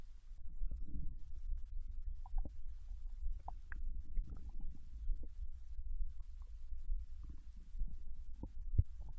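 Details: Low gurgles with scattered short squeaks and rumbles over a steady low hum, recorded from a Japanese girl lying on her side in bed while digesting ramen: ordinary bowel sounds of digestion.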